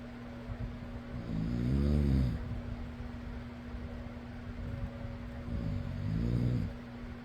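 Two deep, rattling snores on the in-breath over a steady fan hum.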